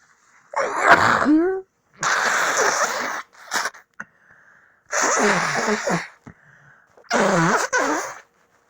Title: Four good sneezes